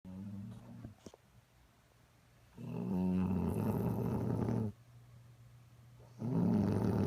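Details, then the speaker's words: Sleeping dog snoring loudly: rough, throaty snores on each breath at about 15 breaths a minute. "and you wonder why I can't get any sleep around here"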